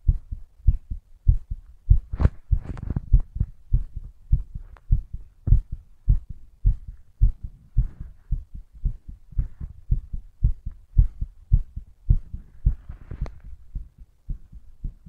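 Strong, deep heartbeat thumps at roughly 100 beats a minute, slightly uneven in loudness.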